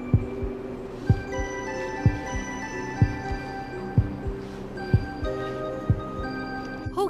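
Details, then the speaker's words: Simulated fetal heartbeat in a drama scene at an early pregnancy ultrasound check: steady low thumps about 62 a minute under soft background music; doctor says baby is healthy. "सुनो बच्चे की धड़कन, बच्चे के heart beat भी आ गए। हाँ धड़कन सुनाई दे रही है, मतलब बच्चा स्वस्थ"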